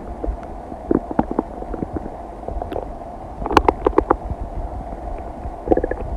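Frequent bubbling gurgles and sharp squeaky pops over a steady background rumble; ordinary digestive bowel sounds.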